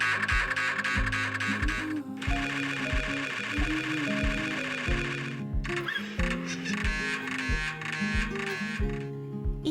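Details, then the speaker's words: Pediatric MRI for a sedated child wearing earplugs: loud, repetitive buzzing and knocking tones in shifting patterns mixed with music, like a washing machine or video game; MRI scanner noise. "when the MRI starts taking pictures it can sound like a washing machine or a video"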